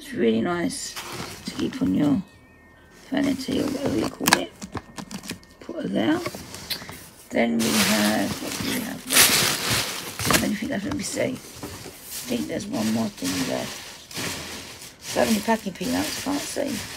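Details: Adult woman whose dysphonia, she says, is playing up; dysphonia.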